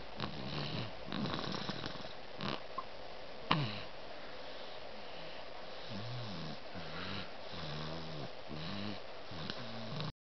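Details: Repeated low, rattling snores with snorting breaths from a young child napping in a quiet room; snoring.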